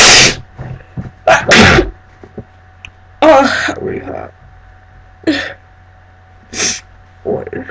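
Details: Adult with a cat allergy, cat present, reading a book aloud from a Kindle: several sharp, explosive sneezes in quick succession with brief speech between them.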